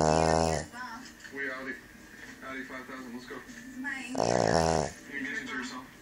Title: Boston terrier/pug snoring